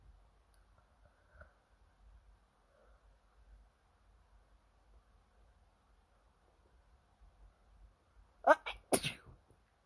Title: Late night ITCHY NOSE! Can’t stop sneezing 🤧